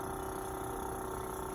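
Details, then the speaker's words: Simulated airway suctioning by a respiratory therapist: a steady low hiss of continuous suction as the catheter is twisted and withdrawn with the suction port occluded, for under 15 seconds after resistance is felt. "Once I feel resistance, I'm going to go ahead and I'm going to olude this and twist it as I pull out less than 15 seconds."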